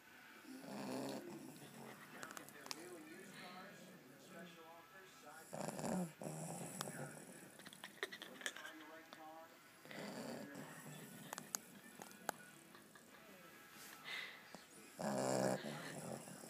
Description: 7 week old American bulldog/boxer puppy snoring in bed